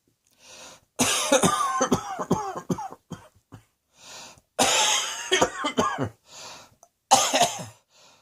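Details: Cough.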